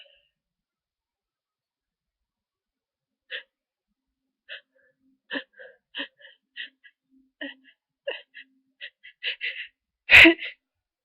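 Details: Person with a bad cold, sneezing all day: a run of about a dozen short, sharp sneezes and snorts in quick succession, ending in one loud sneeze, forming a sneezing fit.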